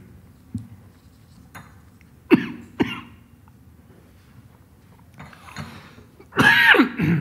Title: [TVGO] 정상회담 자리에서 연이은 기침? 필리핀 대통령의 걱정스런 표정!!